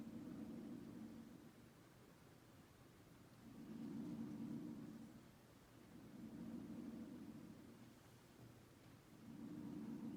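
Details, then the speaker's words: Normal vesicular breath sounds on Sam, a patient simulator, heard by stethoscope diaphragm over the anterior chest from the clavicles down: soft, rhythmic, clear, even rushing breaths, judged clear in all lobes bilaterally. "so after listening to sam's lungs it sounds like he has clear breath sounds in all lobes bilaterally anteriorly posteriorly and laterally"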